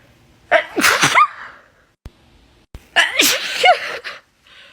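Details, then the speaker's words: Repeated sneezing induced by putting garlic up the nose to clear the sinuses, about 10 minutes in, with a runny nose: two forceful sneezes in a row, each a sharp intake then an explosive burst. "oh god no i can't stop seizing dude it's only been 10 minutes shit's overflowing bro"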